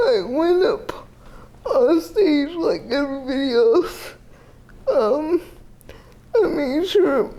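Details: Dysarthria in a 30-year-old woman with GMFCS Level 4 cerebral palsy, quadriplegia with an athetoid component, uses a power wheelchair; speech may be hard to understand.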